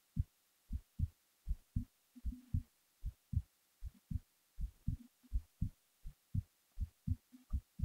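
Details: Heartbeat recorded while the person was falling asleep: soft, low paired thumps at roughly 75 to 80 beats a minute, quiet background.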